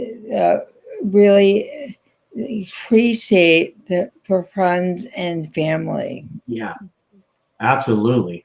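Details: Aphasia in an adult woman after a stroke in 2010, still in ongoing rehabilitation therapy.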